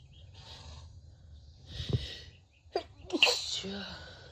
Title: Compilation of Cold Sneezes